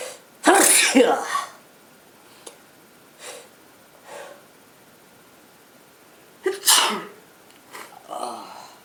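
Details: Girlfriend with a cold sneezing: two loud explosive sneezes a few seconds apart, each followed by quieter sniffs and breaths; sneezing.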